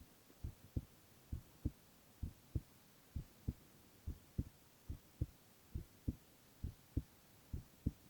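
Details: Male ASMR recording of heart sounds only, no talking: steady paired low thumps at about 67 beats a minute with a faint hum behind; normal heart sounds.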